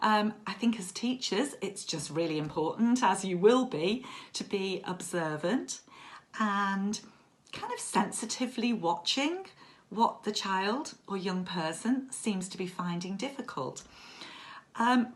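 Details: Adult woman speaking; fluent speech.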